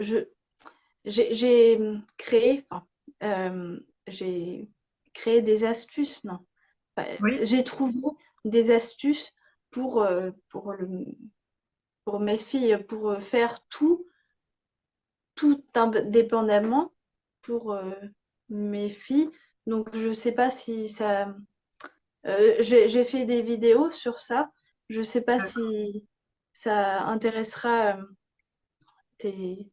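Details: Young woman with aphasia after a stroke at age 22 that severely affected speech and grammar, with ongoing word-finding difficulty; aphasia after stroke.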